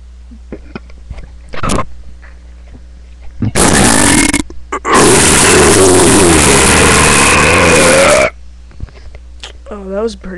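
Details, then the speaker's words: Kid burping voluntarily, tired with an upset stomach; two loud, drawn-out burps, the second lasting over three seconds, in a quiet room. Burping. "set usually I can burp a lot longer I'll make another video of me burping too see how many hits I get"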